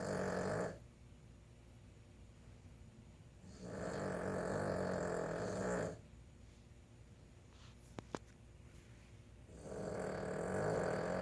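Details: Boston Terrier (female) snoring while asleep all night in the room: long, loud rumbling snores of two to three seconds each, separated by quieter pauses, faint room noise.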